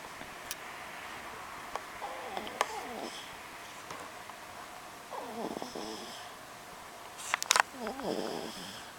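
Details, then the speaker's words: Sleeping dog lying in a pose and dressed in pajamas gives loud, soft, regular snores at about 20 breaths a minute, each with a wavering, whistly rattle, over quiet room noise: snoring. "皆さん聞こえますか？この K 君の親父臭いいびき。"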